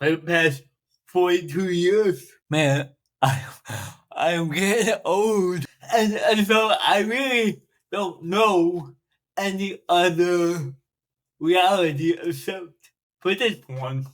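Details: Adult man, 42, with cerebral palsy since birth that he says affects his speech; he makes an effort to enunciate and speak louder; dysarthria (cerebral palsy).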